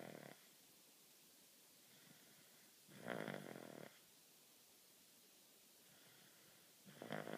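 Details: Soft rhythmic snoring, one snore about every four seconds, over steady room hiss.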